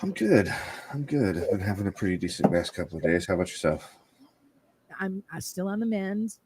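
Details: Adult man speaking in conversation; normal adult male voice.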